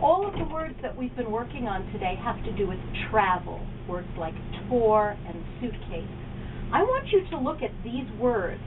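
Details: Adult woman, speech therapist giving instructions; normal speech.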